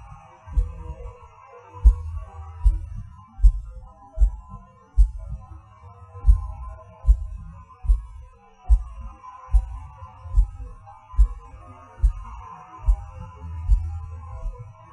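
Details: Person's own recorded heartbeat, felt as pauses and hard beats like falling: about 74 a minute with uneven spacing, pauses and extra beats from PVCs/PACs: irregular heartbeat with premature beats.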